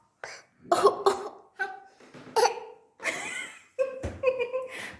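A series of short, deliberate coughs, some voiced and tonal, made on request rather than from illness.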